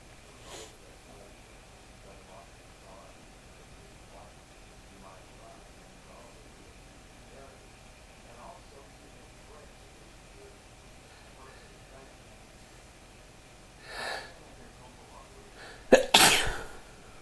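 Quiet room, then a sharp intake and a loud, explosive burst near the end, with a smaller puff before it; a sneeze.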